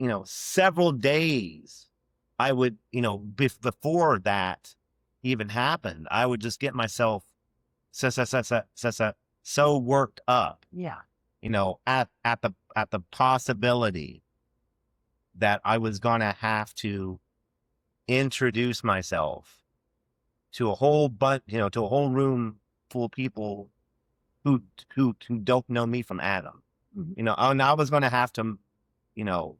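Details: Adult man who has stuttered since childhood and had years of speech therapy; stuttering.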